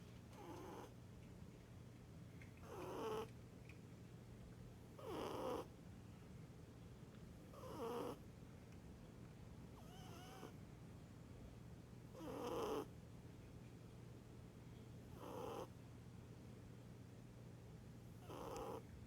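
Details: A sleeping female or male Scottish Fold cat snores with soft, rough rattling bursts about every two and a half seconds: cat snoring.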